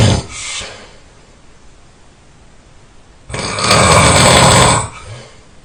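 One very loud, harsh, rattling snore lasting over a second follows a softer breath: a single heavy snore.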